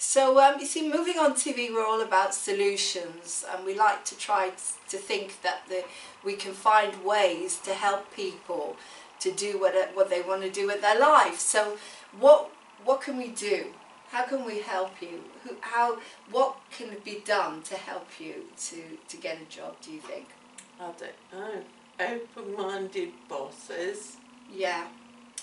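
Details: Adult speaker, likely female, in interview; normal speech.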